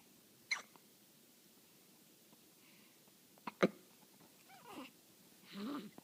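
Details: Hiccups in a child while he is trying to sleep: two brief, sharp catches about three seconds apart in a quiet room, with faint soft noises after.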